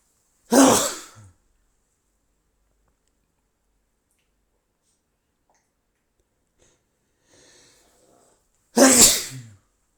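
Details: Adult male: two loud, explosive sneezes about eight seconds apart, with quiet in between; sneezing.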